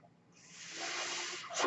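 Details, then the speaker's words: A soft airy hiss swells over about a second and then cuts off: one breath cycle of the speaker's own mechanical ventilator, heard while talking. "hello everyone that noise you're hearing is my ventilator and welcome to page turners"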